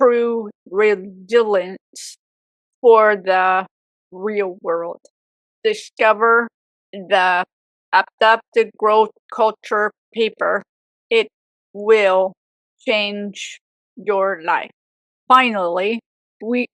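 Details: Aphasia in a woman 18 years after a severe stroke at age 44, with apraxia also reported.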